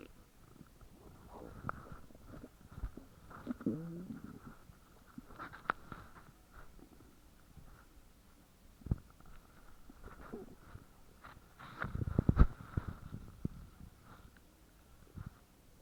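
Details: Very loud stomach growls recorded from a woman's belly: low gurgling, rumbling growls coming in irregular waves; borborygmi, ordinary bowel sounds.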